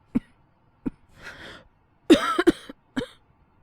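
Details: Several short, dry cough bursts with a throat clear, acted by a male voice performer portraying a younger boyfriend with a cold; simulated cough.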